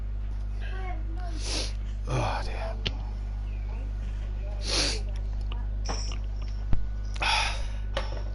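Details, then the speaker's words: Adult man sneezing during a racing-game session, steady low engine hum behind; he says he has a bit of the flu gone down to his chest, coughing up green phlegm: several short explosive breathy sneeze bursts. "You got hay fever? No, I've got a bit of the flu, mate."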